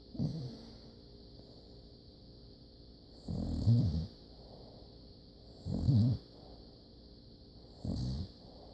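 Four low, rumbling snores from a sleeping puppy, spaced a few seconds apart, about 27 a minute, against a steady hum.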